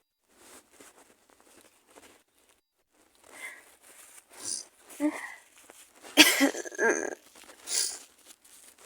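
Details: Sneeze from a person who is very sick with a bad cold, maybe the flu, with fever, cough and congestion, lying in bed: quiet sniffs and breaths building to a loud, explosive sneeze, then breathy exhalations.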